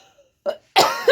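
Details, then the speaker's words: Two harsh, throaty cough bursts from an adult woman, the second longer and rougher, after nearly choking while trying to imitate a donkey. "Excusez-moi mais bon j'ai voulu [grognement] faire le bruit de l'â complètement raté et en plus j'ai failli m'étrangler."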